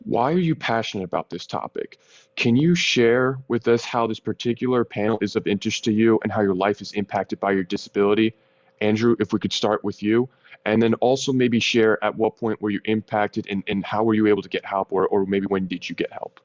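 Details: Adult speaker; typical speech.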